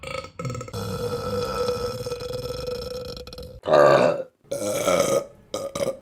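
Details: Burping compilation: several loud, drawn-out, rumbling voiced burps in a row with brief pauses between them; repeated belching.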